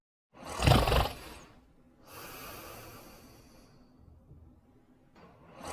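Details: A sleeping dog: a loud snorting breath followed by softer, rough noisy breathing; snoring.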